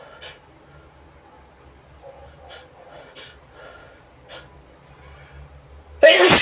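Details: Person (he/they) deliberately inducing sneezes with a brush and blowing nose: quiet sniffs and catching breaths building up, ending in one loud, explosive sneeze.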